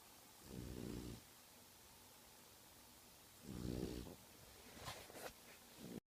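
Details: French Bulldog snoring all night long.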